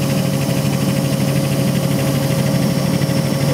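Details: Neonatal high-frequency oscillatory ventilator running, frequency set around 13 Hz, used for low-compliance lung conditions such as infant respiratory distress syndrome; steady loud buzzing vibration of very rapid small breaths, shown by a respiratory therapy student.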